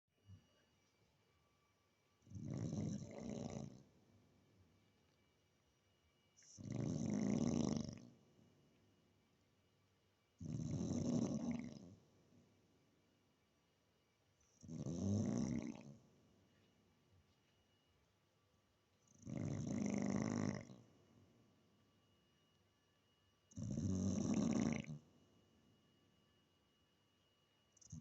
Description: daisy the staff bull snoring her head off